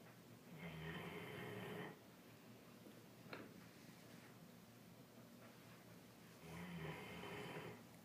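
Two long, rough, rattling breaths about five seconds apart, with a faint snort between them: snoring in a sleeping large dog.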